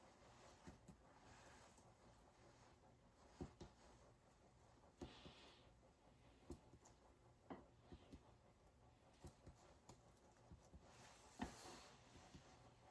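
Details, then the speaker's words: Percussion of an adult's posterior chest, starting above the scapulae with arms folded, right side first, comparing sides: soft hollow taps giving equal resonant notes on both sides; resonant percussion note. "i am comparing that the both sides are equal equal percussion and i am hearing resonant sounds on both sides"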